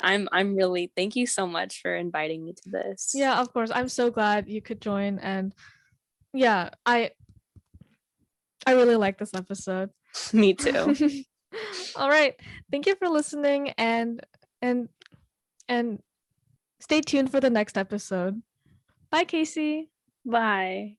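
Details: Teenager who stutters; word repetition heard; stuttering.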